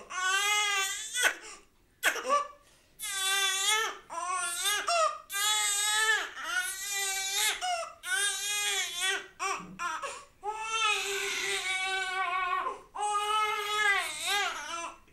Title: BABY CRYING Newborn cry sound#babay crying#soundeffect